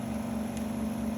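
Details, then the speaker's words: New double-bottle trolley suction machine just switched on during a demonstration: a steady low motor hum while the cannula is open, so there is no suction until a finger covers it. "we have started the machine there is no suction because the suction cannula is offered whenever you apply your finger here it will start suctioning"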